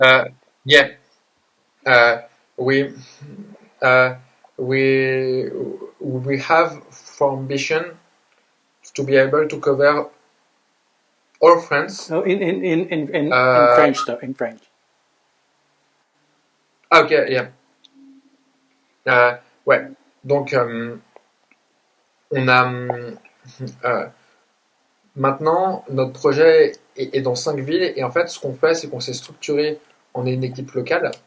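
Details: Adult man who grew up with severe stuttering alongside dysgraphia, dyspraxia and ADHD; word repetitions and hesitations while speaking English: stuttering.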